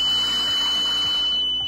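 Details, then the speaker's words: High-priority disconnection alarm on a NIPPY 3+ home ventilator: steady high-pitched electronic tone with faint rhythmic pulsing beneath, following a leak alarm; prompts checking mask fit and tubing. "it will then go on to a disconnection alarm okay which is a further high priority alarm"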